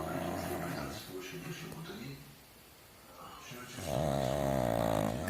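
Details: Pug snoring while asleep: low, buzzing, fluttering snores with a quieter pause midway, a voice possibly in the background.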